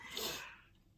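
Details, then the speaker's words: Pet with a big wad of snot, a habitual sneezer, recorded at night: a single sharp, hissing sneeze fading into quiet room noise. "Did you hear the sneezing when I was talking? That was Millie last night."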